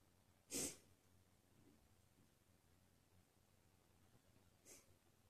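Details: Person deliberately trying to sneeze "girlier" on request, sneezes getting messier and wetter; one sharp, high-pitched sneeze, then a much fainter second sneeze about four seconds later, in a quiet room: sneezing.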